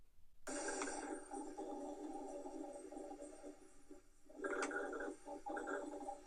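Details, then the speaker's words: Rhonchi: coarse, rumbling continuous breath sounds in two bursts from mucus in the bronchi, as in pneumonia; an effective cough mobilises the mucus and changes them. "une tout efficace va mobiliser le mucus modifiant ainsi la perception des ronds qui voici un exemple de ce bruit ausculte at war"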